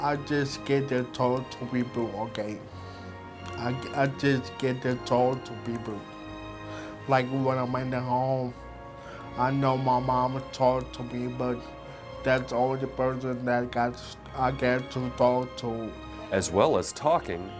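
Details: Aphasia after stroke in a man who had a stroke at age 23 after an aneurysm, now recovering; transcript shows repetitions and word errors.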